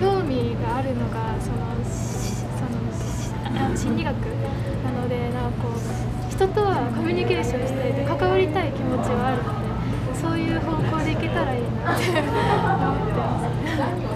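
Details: Japanese female second-year high school student who has stuttered since childhood, mainly with blocks, and sometimes substitutes difficult words; stuttering.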